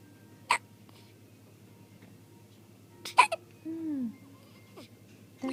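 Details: Sleepy baby still hiccupping after finishing a bottle of milk: two short, sharp hiccups a few seconds apart with soft infant vocalising between them.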